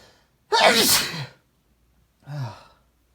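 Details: A man sneezes twice, a loud explosive burst with a voiced release, then a softer second sneeze after a pause; he had tried a new chinkni, which he says did not work well: sneezing.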